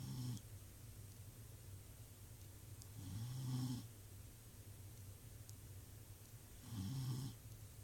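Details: Sleeping dog snoring: low rumbling snores with each breath, about 17 a minute, over a steady quiet hum.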